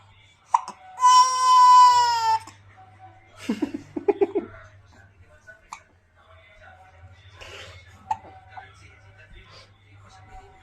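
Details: Baby crying interrupted by hiccups: a drawn-out infant wail, then short catching sounds and quiet fussing.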